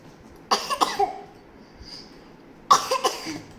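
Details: Child deliberately faking hiccups, offered water: two short clusters of abrupt throaty bursts, like coughs, in a quiet room; imitated hiccups.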